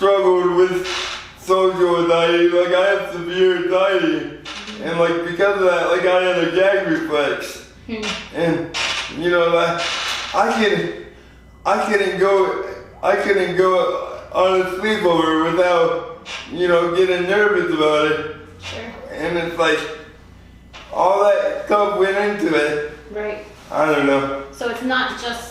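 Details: 24-year-old man with lifelong spastic quadriplegic cerebral palsy following premature birth at 2 lb 4 oz; spastic dysarthria (cerebral palsy).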